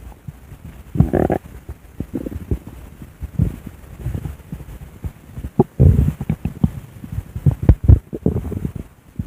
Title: my recorded stomach growling w/art